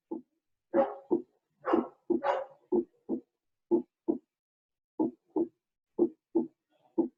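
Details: Normal first and second heart sounds from a cardiovascular physiology lecture, regular paired lub-dub thumps about 60 a minute with some rustling bursts early on.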